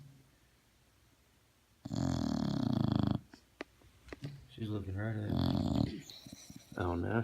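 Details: Female English bulldog snoring with eyes wide open, audible through several rooms: loud, harsh, rattling breaths in bursts with pauses, quiet talk nearby; heavy snoring.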